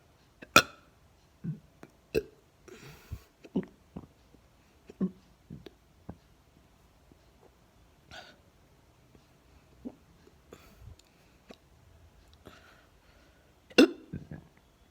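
Repeated short, abrupt catches, roughly one to two seconds apart, in a quiet room; a run of hiccups.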